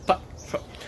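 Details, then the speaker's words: Adult male stand-up comedian with Tourette syndrome makes two brief, abrupt clucking, animal-like vocal bursts while talking: simple vocal tics. "what's good everyone so my name is a bit but most people just call me and i have tourette syndrome"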